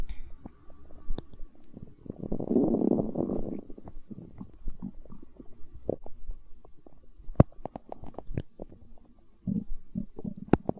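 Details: Hunger stomach growling: a long low gurgling rumble, then scattered bubbling pops and short gurgles; borborygmi.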